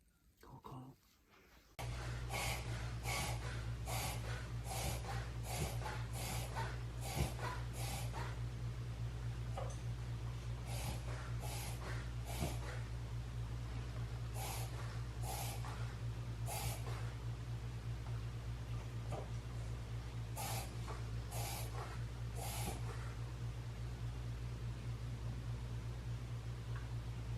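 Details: A 12-year-old cockapoo makes a rapid series of short, snorting inhalations with short, quick breathing, typical of a reverse sneeze episode.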